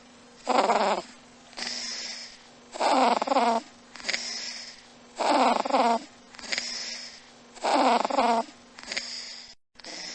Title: This is supreme! Neural networks can already decipher cat snoring!